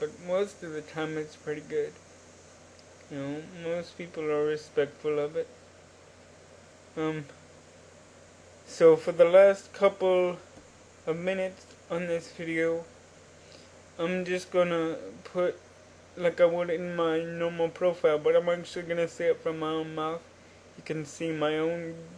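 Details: Adult man with cerebral palsy since birth, which he attributes to oxygen deprivation in the womb; he uses a wheelchair and reports normal cognition. Mild dysarthria in cerebral palsy.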